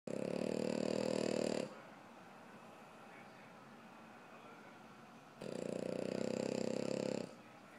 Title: Snore Face